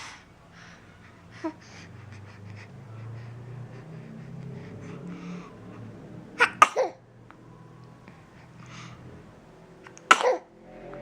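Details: Cooing and sneezing; sneeze.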